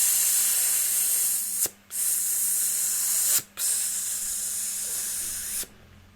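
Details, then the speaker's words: Nursing practical: a child's mouth is suctioned with a new catheter on a suction pump, rotated while suctioning, after nebulization and chest physiotherapy; a steady loud hiss briefly cut off twice. "Sekarang kita masukkan selang ke dalam mulut adik, kita lakukan penghisapan. Mari kita memutar-mutar."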